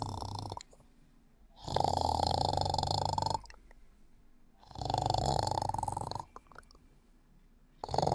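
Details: Woman sleeping: loud, rough snores about 1.7 seconds long, three in eight seconds, separated by quiet pauses; ordinary snoring during sleep.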